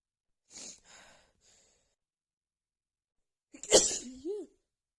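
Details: Adult female with a bad, stuffy head cold: soft sniffly breaths, then one sharp, forceful sneeze with a voiced tail; sneezing.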